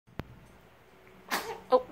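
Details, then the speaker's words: A small sneeze recorded in a home video with grandma: a faint click, then a short burst of air and a brief sharp vocal burst near the end; sneezing. "gesundheit a sneeze they still have makeup"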